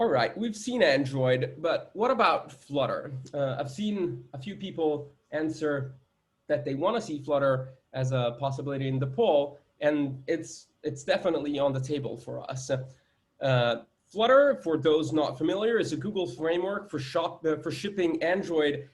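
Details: Adult man speaking; normal speech.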